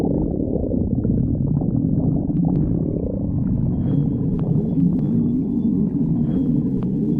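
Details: Stomach growling (borborygmi): continuous low rumbling and gurgling with shifting pitch, ordinary bowel sounds.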